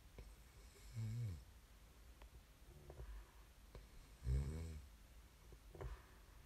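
Quiet room with two rough, fluttering snores on inhalation, plus a softer third, a few seconds apart: ordinary sleep snoring.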